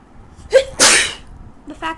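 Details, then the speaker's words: Person with a bad cold and blocked nose, unable to breathe through it, sneezing at 3 a.m.: a quick inward gasp, one sharp explosive sneeze, then a short voiced sound. "so just so I'm sick and sickly bad so I'm not going to the aves tomorrow because they can suck it and I could care I care less about the stupid boomerangs but I can't even breathe through my freaking nose"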